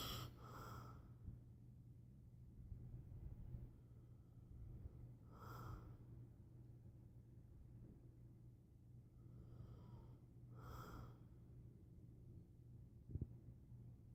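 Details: Sleeping person with quiet, slow breathing and soft snorting noises on three breaths about five seconds apart, roughly 12 breaths a minute; light snoring.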